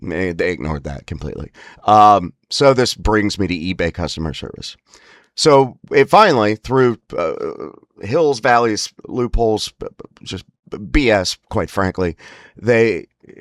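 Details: Adult with spasmodic dysphonia (laryngeal dystonia), which is worsened by stress and frustration, especially on phone calls: spasmodic dysphonia.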